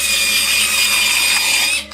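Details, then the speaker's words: Dental drill drilling into a tooth during a root canal: continuous high-pitched whine for about two seconds, then it stops. "now if you've never seen one done before brace yourself because this is a root canal they drill into your tooth"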